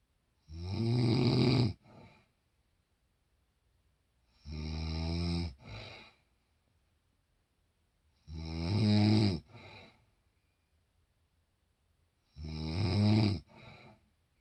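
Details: Loud, rough, rattling snores on each breath in, each followed by a short softer sound, about 15 breaths a minute in a quiet room; a mother's snoring.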